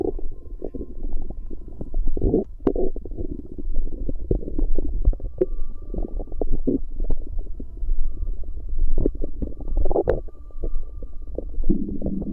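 Steady bubbling and gurgling from the abdomen with frequent small pops, about a minute's worth of ordinary bowel sounds.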